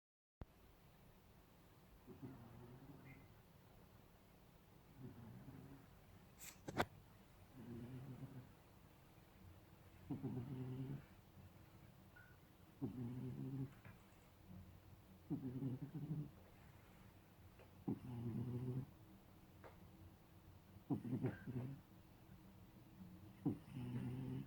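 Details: A sleeping cat snores softly, low rumbling snores about 23 times a minute in a quiet room.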